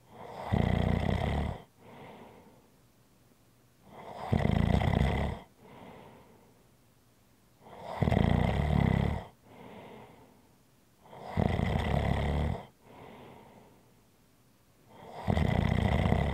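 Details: ASMR relaxing snoring sounds: loud, rattling snores on each breath in with a softer breath out, about 15 breaths a minute, steady snoring.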